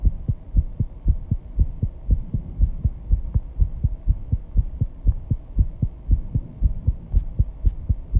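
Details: Rapid heartbeat (sinus tachycardia) at 134 bpm after intense exercise with heavy breathing, pounding loud enough to hear without a microphone at the start.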